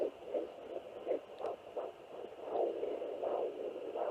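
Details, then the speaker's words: Mother's own heartbeat on a home fetal Doppler in early pregnancy: rhythmic whooshing pulses at about 80 per minute, heard millimetres from the fetal heartbeat and easily mistaken for it. "there's mine so as you guys can see it can get really confusing especially when you first start that's why I when I found my own I was like oh there's a baby no it's mine"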